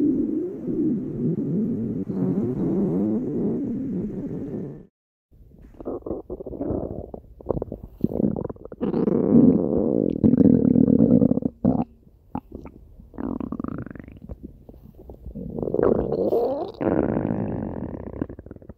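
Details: Long, low rumbling and gurgling with bubbly squeaks from a pet rabbit's tummy: typical active bowel sounds.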